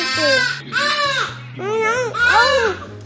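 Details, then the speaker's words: Newborn baby girl on her first day home cries in rhythmic bursts with rising and falling pitch; normal healthy newborn cry. "She's crying."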